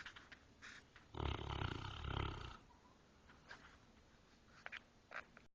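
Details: Dog snoring: one loud, rough, rattling snore lasting over a second, then quieter breathing and small noises.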